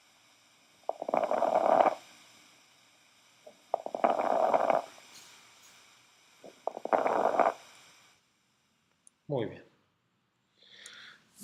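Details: Crackles heard on veterinary auscultation.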